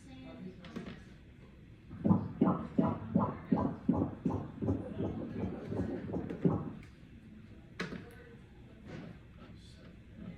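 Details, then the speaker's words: Fast regular whooshing beats at about 160 a minute between speech during a prenatal ultrasound doppler check of a second pregnancy; fetal heartbeat. "Heartbeat. >> Yan yung heartbeat e."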